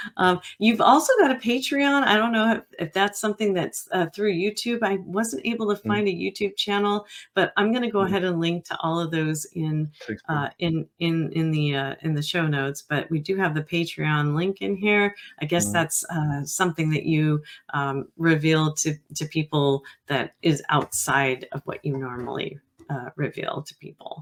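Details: Adult speaker; normal speech.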